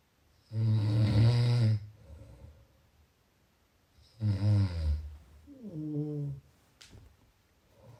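Loud, deep rattling snores on the in-breath, about two in eight seconds, with quieter breathing between them; ordinary snoring.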